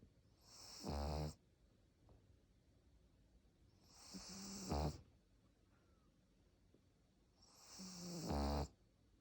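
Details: Pug snoring: three loud, rattling snoring breaths, about 16 a minute, separated by quiet pauses.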